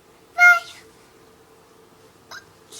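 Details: Child with hiccups: a sharp, high-pitched squeaky hic followed by fainter short bursts in a quiet room; hiccups.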